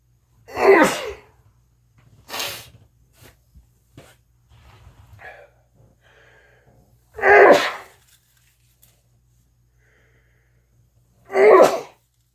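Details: Sneezing fit: three loud sneezes a few seconds apart with quiet sniffs and breaths between.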